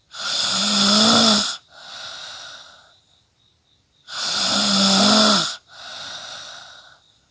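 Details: Person snoring during sleep, a clean snore sound effect rendered at 48000 Hz: loud rough snores on each breath in, each followed by a quieter breath out, about two cycles.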